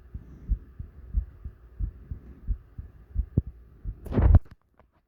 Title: Heavy Breathing Heartbeat